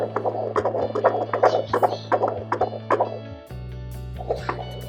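Rapid, regular whooshing Doppler beats at about 150 a minute, a normal fetal heart rate, over background music.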